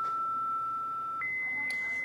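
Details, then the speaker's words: Steady electronic tone stepping up in pitch as manual defibrillator paddles finish charging: the ready beep showing the device is primed to deliver a shock, in a CPR lecture demonstration. "this beeps that means it's ready to deliver a shock that means this is primed and you hit the button and a shock is delivered"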